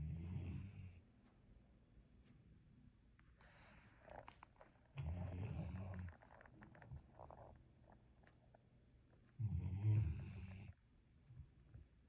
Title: Funny dog snoring loud